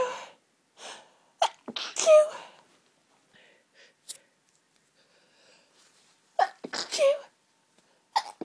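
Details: A run of about seven forceful sneezes with sharp in-breaths between them; very intense hay fever sneezing fit that wouldn't stop, with relief afterward.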